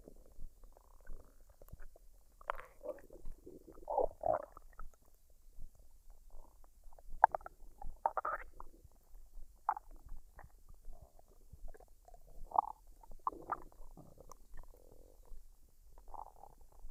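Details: Woman's abdomen after a dinner of fried rice and duck, recorded unedited: irregular soft gurgles and rumbles of varying pitch over quiet background; normal bowel sounds (borborygmi) of digestion.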